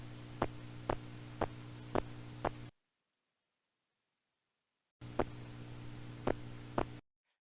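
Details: Needle EMG, spontaneous activity without needle movement or voluntary firing: sharp pops repeating about twice a second in a not-quite-even marching rhythm over a steady hum, myokymic discharges.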